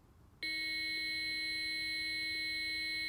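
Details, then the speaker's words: Child AED demonstration: after pads are placed on the child's chest, the AED announces charging and the rescuer calls everyone stand clear; a steady, piercing electronic tone starts suddenly and holds as the defibrillator charges before a shock. "everyone stand clear i make sure that i'm not touching the patient and no one else is shock either charging everyone stand clear"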